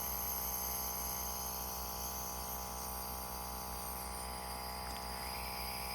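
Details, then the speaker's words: Constant mechanical buzz and hum of a portable nebulizer for kids and adults, just switched on and producing mist, with an adjustable speed controller. "So this is, I'm just starting the unit on and off button, and you can see the nebulizing vapors."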